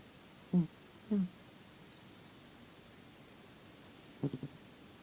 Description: My cat having a late night snore, cute!